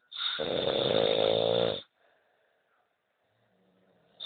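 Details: Adult snoring: one loud, harsh, rattling snore lasting under two seconds, then quiet breathing.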